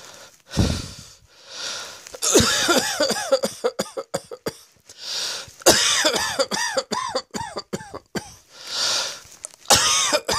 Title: Cross Dressing Coughing 56